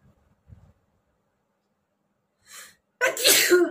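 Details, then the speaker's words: Adult with a cold, sneezing repeatedly for 2–3 days, with watery eyes: soft breaths and a quick inhale lead into one loud, explosive sneeze. "তো আজকে অনেকগুলোই কিন্তু হ্যাচ্ছো হলো, অনেকগুলোই হয়েছে। আরেকবার ট্রাই করি।"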